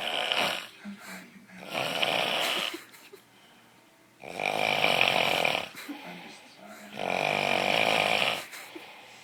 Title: Loudest Funniest Snoring Ever